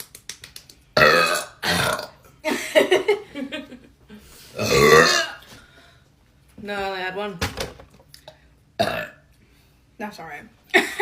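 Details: Woman burping after drinking flavored drinks; several long, deep, voiced belches between short bits of speech in a quiet room.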